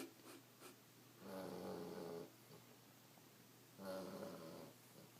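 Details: Sleeping Australian shepherd puppy: two soft, buzzing snores on breathing during sleep in a small room; puppy snoring.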